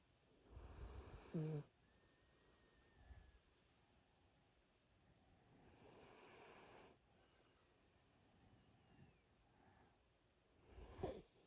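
Slow, rough breathing noises with snorting sounds on a few breaths, a few seconds apart, over faint TV commentary; a sleeping dog's snoring.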